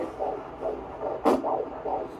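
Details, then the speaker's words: Fetal heartbeat on Doppler at about 16 weeks of pregnancy, first heartbeat appointment: rapid, regular whooshing at 140 a minute, with a sharp thump from fetal movement against the probe. "I thought we were only going to hear the heartbeat but what I didn't know is that you can hear the baby like futing against the microphone"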